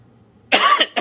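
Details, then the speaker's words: Adult podcast host apologizing for a very dry cough: a single sharp, dry cough burst followed by the start of a second, in a quiet room. "I'm sorry about this cough. It's just like very dry cough."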